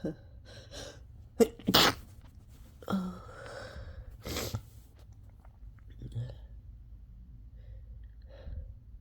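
Sniffs and breathy gasps with a couple of sharp sneeze bursts in a quiet room; repeated sneezing.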